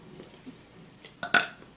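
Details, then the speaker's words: An adult burping: a short throaty rumble, then a loud, sudden belch from the throat, described as coming from the gut. "okay, thank you, Alf, okay. Whew. That one came from the gut."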